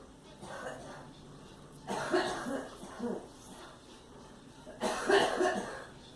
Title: Girl coughing in the background